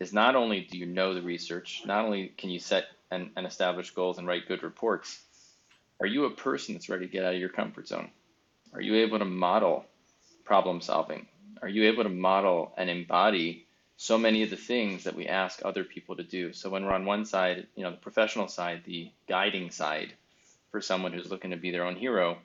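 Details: Adult male speaker; typical speech.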